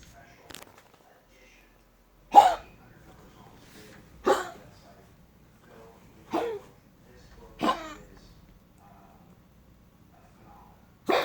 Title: Dog cough